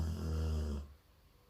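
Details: Golden retriever dog snoring: one deep, rumbling low-pitched breath sound fading into quiet.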